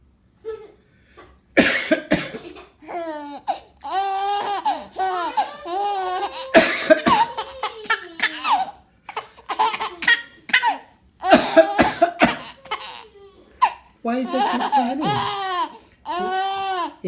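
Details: Voluntary cough: an adult father gives several deliberate, forceful coughs while an infant answers with bursts of high, bubbly laughter.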